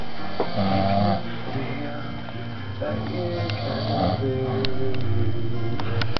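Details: Loud, rattling, low snores from a sleeping brother, with faint music and voices in the background; snoring.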